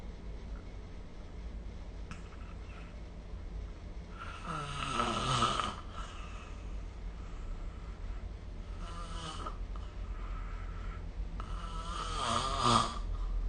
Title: 🐽 Snoring Sleep Sound / いびきの音